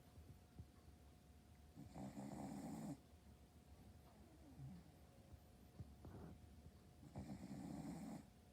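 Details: Boston terrier, a small flat-faced dog snoring in sleep: two soft, rough snoring breaths several seconds apart over a quiet room hum.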